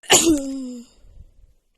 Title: Dust sneezing fit